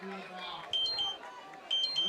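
Two bursts of short high electronic beeps over commentary: a blood sugar monitor alarm.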